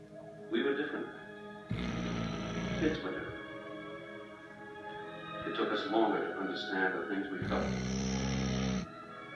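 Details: Snoring of a sleeping Vizsla dog.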